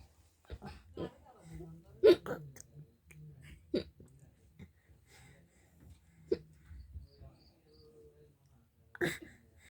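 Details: A laughing baby has hiccups: sharp, sudden voiced catches recur among soft baby laughter and babble.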